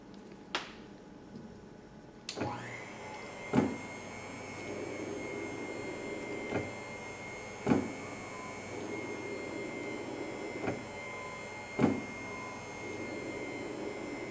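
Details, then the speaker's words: Cough assist (mechanical insufflation-exsufflation) machine demonstrated by an operator wearing the mask, one full cycle: steady machine hum with a sharp switching click about every four seconds, marking the shift from positive inflation to negative suction. "and now I have completed one cycle you would let your patient rest for 30 seconds and apply another cycle"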